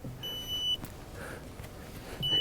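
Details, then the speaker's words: A high electronic beep, then handling noise, then another beep as a Parkinson's patient switches on his filled apomorphine infusion pump, which is then set to a flow rate. "so once it's filled up it's ready to switch on gun when you turn it on again"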